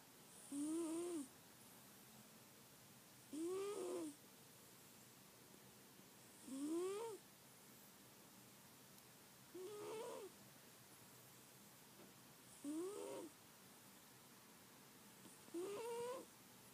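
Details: Pet cat Bella sleeping and snoring in a steady rhythm, about 21 soft rising snorts a minute.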